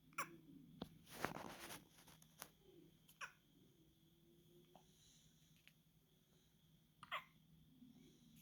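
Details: A baby a few days old with hiccups: several brief, sharp hiccup sounds with soft baby noises in between; newborn hiccups.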